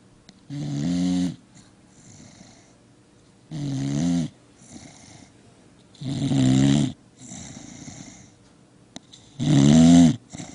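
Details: Pet dog snoring: four loud, rattling snores, one every few seconds, with softer breath noise between them, about 20 breaths a minute.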